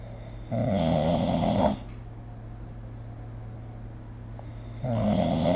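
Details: Snoring recorded with the SnoreLab app: two loud, harsh, buzzing snores on inspiration a few seconds apart, over a steady room hum.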